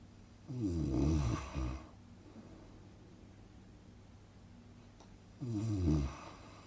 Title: Relaxing snoring sound effect - Good for Sleeping